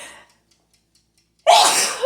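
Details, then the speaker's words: Single loud, explosive adult sneeze, announced beforehand. A brief trailing hiss and a second of held breath come first. "Excuse me. I think that's the first time I've ever sneezed on a video."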